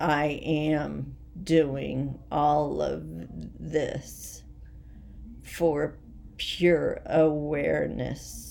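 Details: Voice tremor from essential tremor in an adult woman: rapidly progressive and badly out of control, most affecting her head and voice, with word-finding difficulty and leg and hand weakness; she is awaiting movement disorder specialists.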